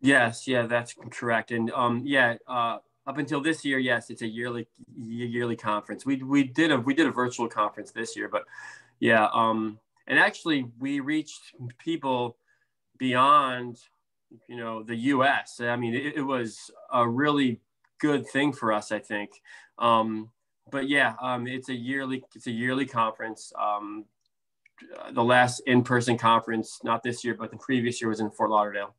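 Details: Adult man, a speech therapist who stutters, with blocks, prolongations, sound repetitions and interjections, and severity varying from day to day: stuttering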